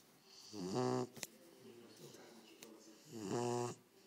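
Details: Cane Corso puppy snoring with its eyes open; two buzzing, vibrating snores about two and a half seconds apart, with quiet breathing between.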